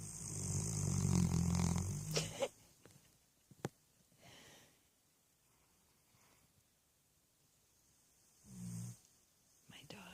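Two loud, low rumbling snores separated by a quiet pause, with faint rustling in between; ordinary puppy snoring.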